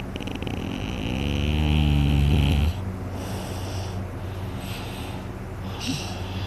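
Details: Person snoring heavily in sleep, very tired after a day of hunting, with a sore throat afterward: a loud, deep, vibrating inhaled snore of a couple of seconds, then quieter breathing.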